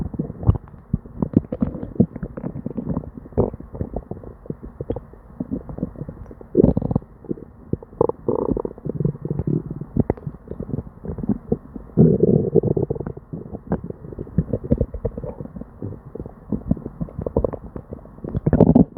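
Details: Person with diarrhea and an upset stomach: near-continuous gurgling and rumbling from the belly with frequent bursts, hyperactive bowel sounds.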